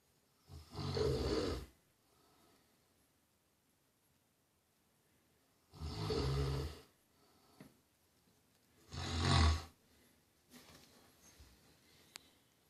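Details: Three loud, low rattling snores separated by quiet pauses, about one every four seconds, during sleep; snoring.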